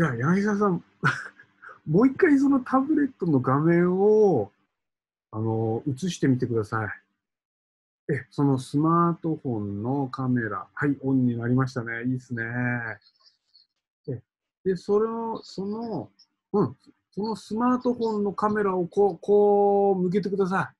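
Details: Adult speaker; typical speech.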